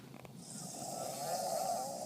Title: Daddy and daughter snoring contest after daddy gets wisdom